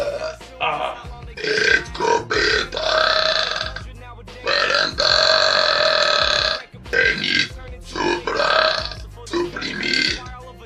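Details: Young men from Spain, Liberia, Italy and Mexico burping on purpose: several long, loud, voiced belches in a row over background music; deliberate burping.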